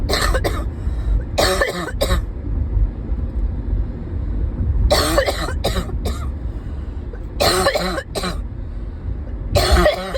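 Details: Persistent bad cough (#7 in a series): repeated bouts of harsh coughing, two or three coughs each, over low rumbling background noise.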